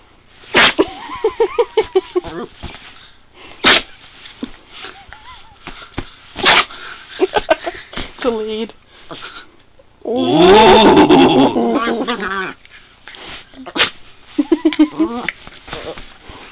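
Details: Sneezing: several short, sharp sneezes with sniffing between them and a person talking softly in the background. Repeated sneezing.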